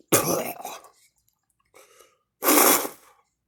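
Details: Person coughing and vomiting repeatedly, having thrown up three times so far: two harsh, forceful coughs with a faint rasp between them.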